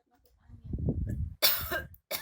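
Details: Ill adult woman with a cough: a short muffled vocal sound followed by one harsh, loud cough burst and a brief second one.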